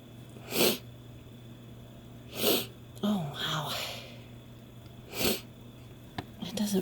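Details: Female sneezing after a first use of inhaled Chhinkni sneezing powder: three sharp, explosive sneezes with faint breathy sounds between them.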